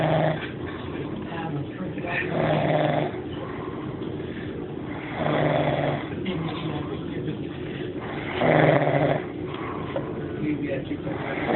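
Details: Sleeping dog snoring, recorded on an Android phone: low, rumbling snores repeating every few seconds in a steady breathing rhythm over room noise.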